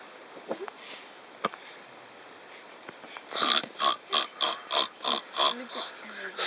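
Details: Snoring recorded on a train in 2011: a quick run of short, rough, snorting breath bursts after a few sniffs and clicks, in a small space.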